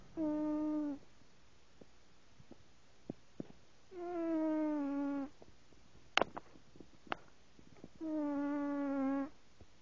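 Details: Male cat sound asleep, snoring as he does every time: slow, regular tonal snores about every four seconds with faint clicks between; ordinary snoring.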